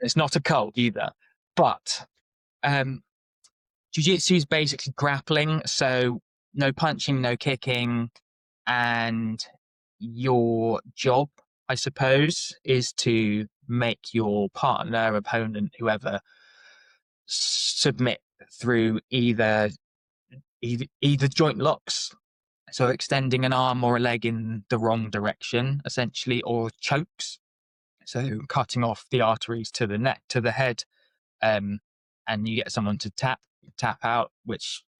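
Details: Adult man with lifelong stuttering (speech stammer all his life); stuttering.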